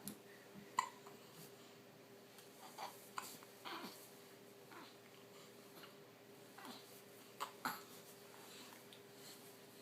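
Several short, abrupt catching sounds a few seconds apart over faint room hum; infant hiccups.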